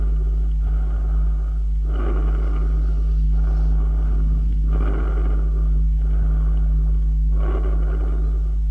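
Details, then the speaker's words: Simulated bronchial (tracheal, laryngotracheal) breath sound, imitated by breathing hard with the mouth half-open and the tongue against the palate, heard best with the stethoscope diaphragm: harsh, hollow, high-frequency noise in both inspiration and expiration with short gaps. "se puede imitar inspirando y espirando fuertemente con la boca entreabierta y colocando la lengua contra el paladar y pronunciando la letra g si hoy y en ambos tiempos respiratorios es áspero y de alta frecuencia y se oye mejor con membrana escuchémoslo bueno"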